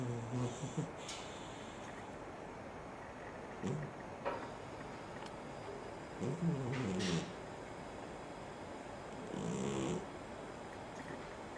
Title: Snowball funny cat snores so aloud, than he awakes to him